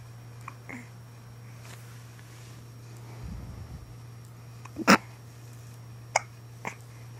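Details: Infant with a binky (pacifier) hiccuping: three sharp, sudden hiccups over a steady low hum and quiet room noise.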